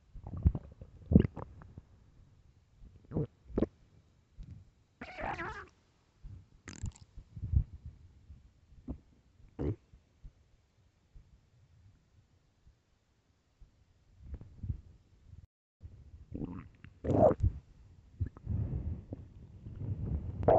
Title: 9 minutes of loud famished stomach growling